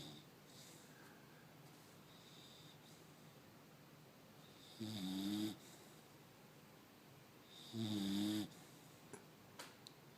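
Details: Sleeping bulldog puppy snoring: two slow, rough, voiced snores a few seconds apart with quiet room noise between.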